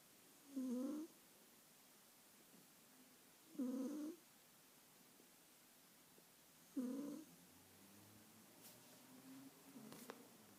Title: Persian cat snoring